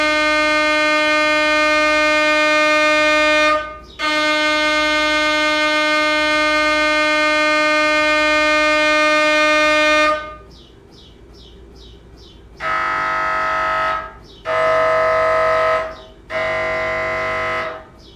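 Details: MRI scanner: a loud steady buzzing tone, then pulsed clicking and bursts of droning from the gradient coils running imaging sequences.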